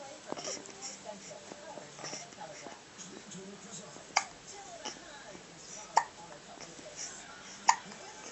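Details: Hiccups: three sharp, abrupt hiccups about two seconds apart, with soft voices and room noise in the background.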